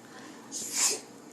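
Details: Nephew's fake sneeze: one brief, airy, hissing sneeze burst over quiet room noise.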